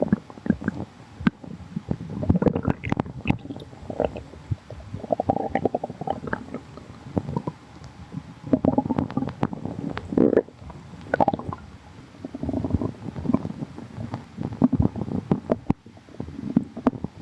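Repeated low gurgles and rumbling growls from an adult's stomach, ordinary active bowel sounds.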